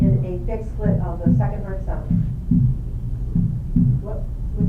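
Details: Fixed split second heart sound.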